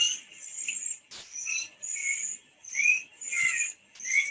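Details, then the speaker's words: Infant with respiratory difficulty and biphasic stridor: high-pitched, musical noisy breathing on both inspiration and expiration from a narrowed upper airway. "can see the musical sound here we can see the both physics sound inspiration as well expression"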